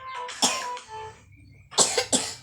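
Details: Three short, sharp coughs from a young child said to be sick and coughing constantly, after soft voiced sounds with faint music in the background; cough.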